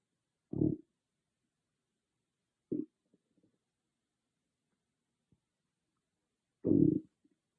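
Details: Own stomach growling recorded with an iPhone microphone, not an ASMR microphone: three loud, low gurgling growls separated by quiet gaps; ordinary bowel sounds (borborygmi).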